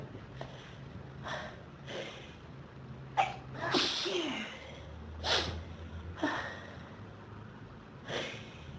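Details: Repeated forceful sneezes with breathy in-breaths between them, a sneezing fit, in a person with pollen and dust allergies since about age 14, triggered by a dusty room; nose burning, sneezes keep coming.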